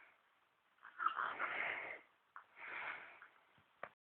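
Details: Two soft, breathy, rasping inhalations with a faint snort; quiet snoring in an infant.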